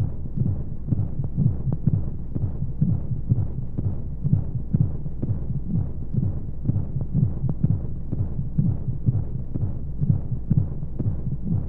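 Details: Baby sleep-aid womb sound: steady, low, muffled heartbeat thumps at about 120 beats a minute over a constant hiss and white noise, like a heartbeat heard from inside the womb.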